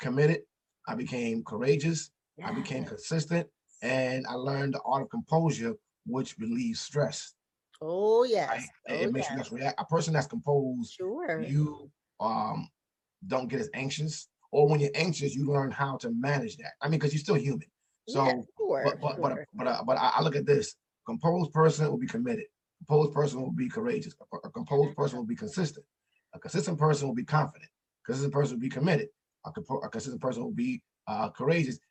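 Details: Stuttering in an adult man, an author and motivational speaker, who says he stutters and that others can hear it.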